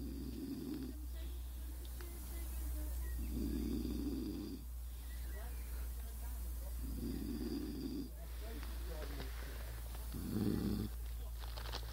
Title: mr fluffy snoring